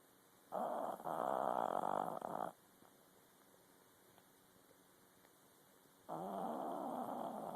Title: Oreo snoring